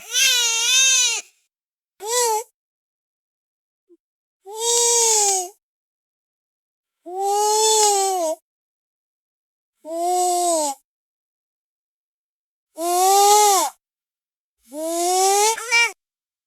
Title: Baby Whining Sound Effect